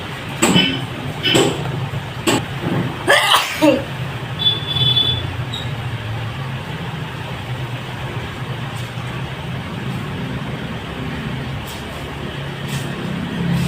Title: Cleaning sneezing.